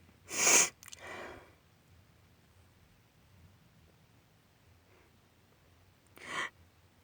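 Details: Allergy sneezing in a female: two loud, sharp sneeze bursts a few seconds apart, with a soft sniffle after the first, in a quiet room.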